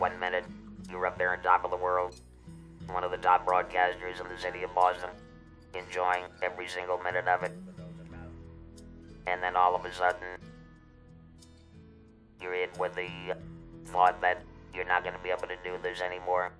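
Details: Electrolaryngeal speech of a man who had a laryngectomy for larynx cancer, using an electrolarynx for about 14 years; described as a bit mechanical sounding.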